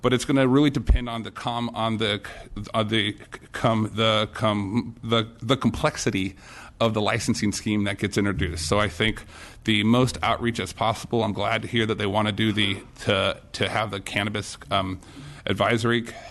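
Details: Disfluent speech with repetitions and blocks in an adult man testifying at a legislative hearing who says his speech impediment flared up; type not named, possibly stuttering.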